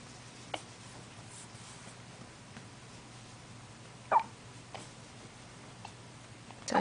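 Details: An infant, the family's first baby, makes brief, sharp hiccup sounds at irregular intervals in a quiet room.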